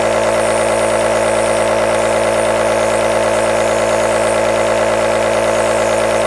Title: 10 Hours of AEROSOL Nebulizer Sound | White Noise - Black Screen | Calm, Relax or Sooth a Baby